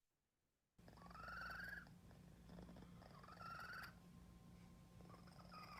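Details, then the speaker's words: Cat in an asthma attack, a small airway disorder: no trouble breathing in, but a grunt ("ugh") on each breath out; expiratory grunt. "So he was having no trouble breathing in, but when he breathed out, he sounded like, "Ugh." And this is a classic example of a cat having an asthma attack."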